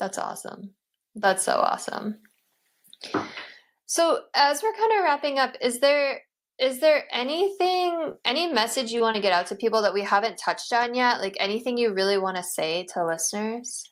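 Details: Adult speaker, interview host; normal speech.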